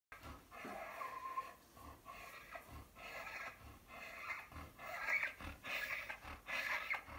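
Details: Flat-coated Retriever with laryngeal paralysis, recorded after exertion: rapid, noisy, harsh breathing consistent with inspiratory stridor.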